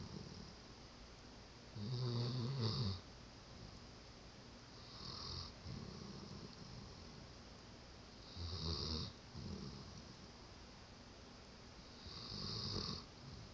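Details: Brody sleeping on the person filming, snoring: four soft, rumbling snores at regular intervals, about 17 breaths a minute, in a quiet room; steady snoring in sleep.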